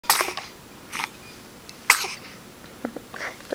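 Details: Sneezing: two sharp, hissing bursts about two seconds apart with fainter puffs between, fitting a short run of sneezes.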